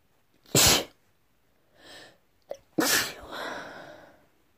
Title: Lots of sneezes xo